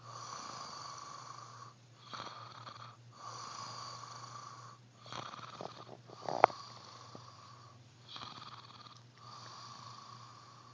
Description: Recorded my husband snoring..watch till the end, he gets scared..lol